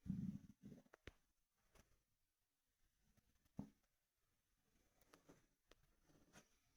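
Quiet low gurgles and brief clicks from an adult abdomen, consistent with ordinary stomach rumbling and fluid sloshing.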